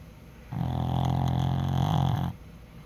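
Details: Pug dog asleep, a long, rough, rumbling snore on one breath: snoring.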